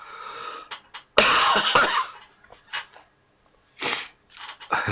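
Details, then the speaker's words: Adult with a lingering cough persisting over a week after illness, during a live stream: run of about six loud, harsh, barking coughs with short breaths between; persistent dry-sounding cough. "he won't have to listen to me coughing incessantly for an hour"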